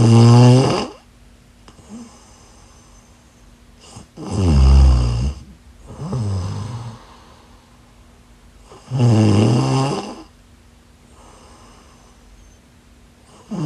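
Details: Snoring during sleep: loud, deep rattling snores at about 13 a minute, separated by quiet breathing, with a faint steady hum in the room.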